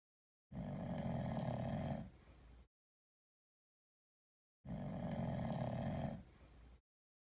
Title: Sleeping cat snoring like a human. 1